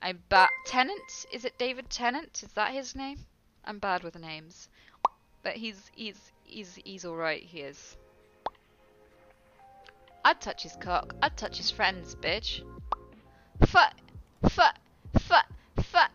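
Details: Female streamer with Tourette syndrome producing involuntary vocal tics, including repeated words and coprolalia, that interrupt her conversation; Tourette syndrome vocal tics with coprolalia.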